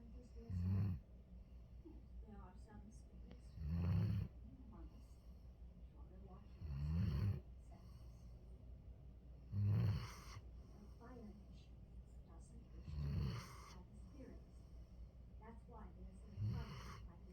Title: sweet dreams all. Hero snoring away. #love #dog #happy #soberlife #mentalhealth